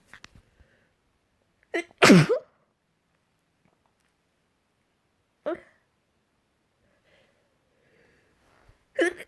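A short inward catch followed by one loud explosive sneeze, then smaller sneeze-like bursts separated by silence.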